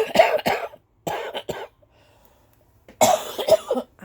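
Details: Adult recently sick, coughing while filming: two clusters of rapid harsh coughs, about seven in all, separated by a short pause; a coughing fit.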